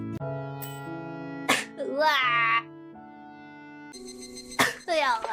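Two sudden explosive bursts, each followed by a voiced exclamation, over background music. These fit sneezes.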